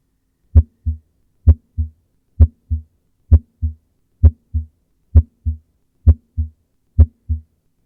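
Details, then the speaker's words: Regular lub-dub heartbeat at about 65 beats a minute with crisp single first and second sounds, an educational demonstration of normal heart sounds: normal S1 and S2. "in terms of the audio quality the S1 sound is often described as a love sound while the S2 sounds more like a dub and we can have a listen to see how this would sound in a normal"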